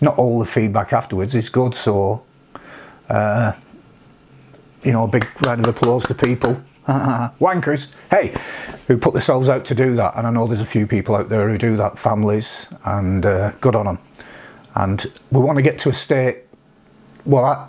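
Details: Vocal tics with coprolalia in an adult man with Tourette syndrome, whose tics reached this degree after age 46; he also has milder tics such as sniffs and humming.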